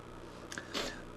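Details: Sneeze from an adult who says he is very sick, with a raspy voice.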